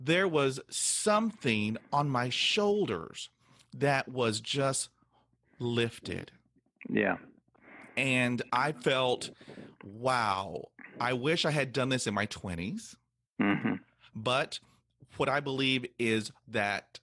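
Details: Older adult man, retired after a 40-year career and raised in the 1950s, who has stuttered all his life since he began talking; speech therapy and family history are discussed; real, not acted; stuttering.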